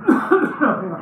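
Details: Adult man having endoscopic suction of occluding dead skin and debris from a narrow, infected, smelly right ear canal: brief retching, cough-like bursts, a gag reflex from stimulation of nerves in the ear canal.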